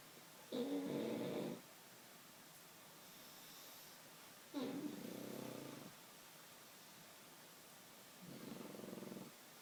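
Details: Pug sleeping while sitting up, snoring: three slow, rasping, fluttering breath sounds against steady room hiss.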